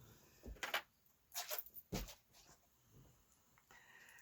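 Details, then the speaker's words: Boston Terrier snoring in the background of a quiet room: a few noisy, rasping snorts. "You can hear my Boston Terrier snoring in the background as well."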